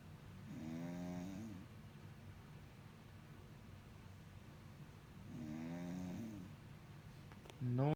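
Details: Very loud snoring from a sleeping person.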